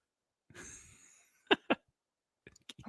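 A drawn-in breath followed by two short, sharp coughs from an adult in a quiet room.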